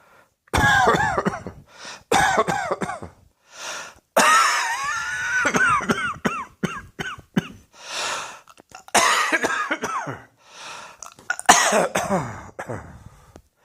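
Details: Repeated harsh coughs in several bursts with throat clearing between them.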